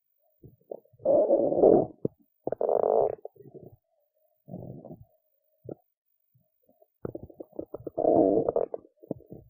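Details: Belly gurgling after a skipped lunch, with hunger: irregular bursts, some long and churning, others brief pops. Hunger-related stomach rumbling (borborygmi).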